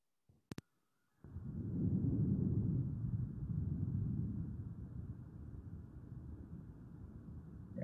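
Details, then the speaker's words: Healthy lung on stethoscope auscultation: soft, faint, low rustling airflow swelling and easing with breathing, no added sounds; normal vesicular breath sounds. "Se escucha bastante tenue, ¿ya? Y habitualmente lo que logramos escuchar es cómo el aire atraviesa la vía aérea superior, ingresa a la vía aérea inferior, ¿ya?"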